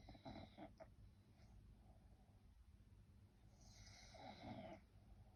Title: French bulldog snore 💤